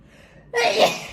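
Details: Woman with nasal allergies sneezing, induced by a nasal swab test: a short indrawn breath followed by one forceful, noisy sneeze burst.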